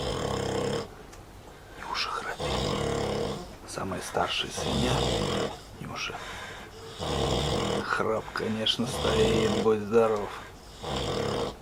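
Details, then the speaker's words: Loud, rough, grunting snores in repeated bursts over room noise from a sleeping Vietnamese pot-bellied pig, a female of probably about 120 kg; snoring. "всем привет стоит такой храп пойду посмотрю кто там храпит а"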